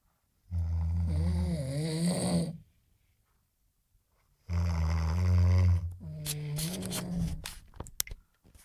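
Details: Loud snoring from a third-year civil engineering student during a snoring competition: two long, rough, low rumbling snores about four seconds apart, with a quiet pause between.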